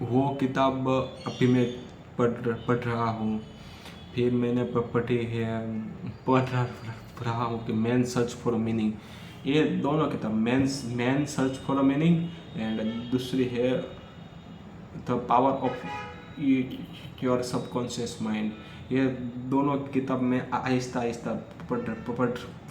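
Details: Adult male who stammers, recording Day 5 of a daily speech practice routine for stammering, speaking freely in continuous-speech practice; stuttering.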